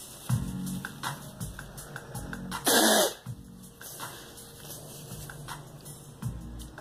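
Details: Girl coughing: several short coughs and one louder, harsher burst, with background music.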